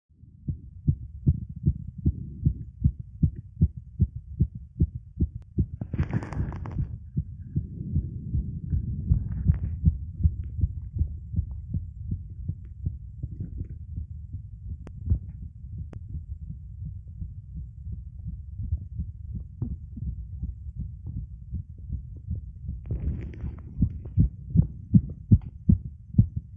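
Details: Male heartbeat recorded while pushing and arching the back; rapid, regular low thumps about 155 a minute with brief rustling bursts during straining, already fast before the push after an earlier attempt: fast heartbeat (tachycardia) during straining.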